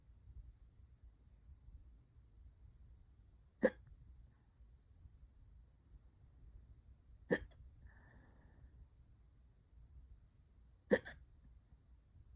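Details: Hiccups that have lasted for hours and keep getting worse: three brief, sharp hiccups about every three and a half seconds in a quiet room, with one faint sigh.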